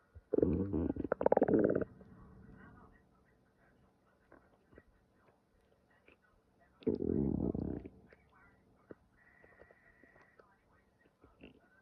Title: listen to stomach growling